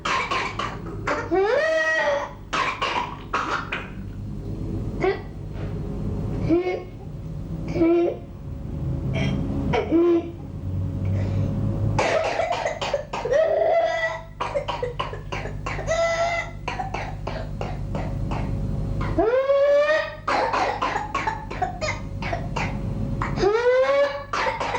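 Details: Pertussis (whooping cough) paroxysms in a young child: rapid runs of harsh coughs, each spell ending in a high-pitched gasping whoop.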